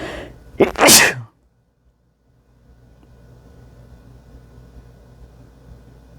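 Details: Sneezing onto a mirror: one loud, sharp, wet sneeze after a short in-breath, then near silence with faint room noise.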